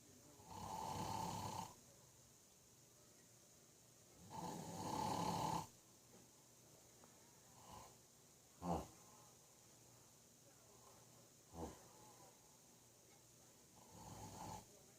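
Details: Father snoring: loud rumbling snores, two long ones in 15 seconds, with brief snorts and softer breaths between, in a quiet room.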